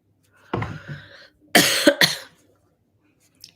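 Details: Adult woman during a live stream, recovering from illness, with a lingering cough she links to allergies from blooming trees: throat-clearing then two sharp dry coughs.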